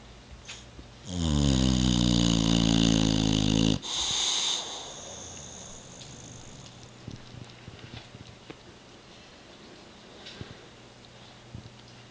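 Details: Bubba, a Boxer dog, sleeping on a Sunday evening, gives one loud, long, rough rattling snore on inhalation followed by a short hiss, then quiet room noise.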